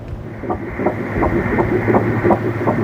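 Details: Fetal heartbeat at a 12-week (three-month) scan in a 46-year-old woman, IVF pregnancy after 30 years of marriage: rapid rhythmic whooshing pulses at about 160 a minute, a normal first-trimester heartbeat on ultrasound Doppler.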